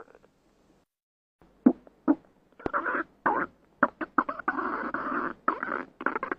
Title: random Princess stomach growling